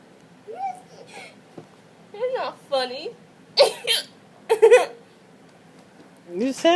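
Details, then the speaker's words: Girl laughing hysterically with abrupt, sharp hiccup bursts about every second, during attempts to stop the hiccups by holding her breath. "You got hysterical hiccups. You're hysterically laughing and hysterically hiccuping."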